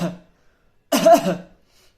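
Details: Throat clearing shown as a cough-type sound for homeopathic prescribing: a brief voiced grunt, then a short, rough, rasping burst like clearing phlegm.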